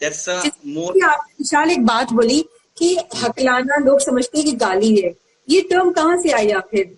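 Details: Adult woman speaking Hindi; typical speech.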